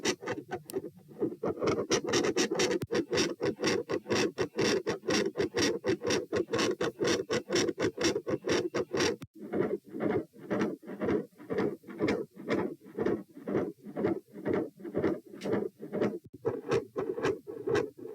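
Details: Heart sounds recorded at position P with the same subject standing: rapid, regular rasping beats with a noisy whooshing murmur between beats; across recordings intensity and murmur vary from none to continuous.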